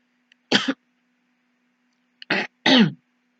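Three short, harsh throat-clearing bursts from an adult, acted to show a tickle in the throat.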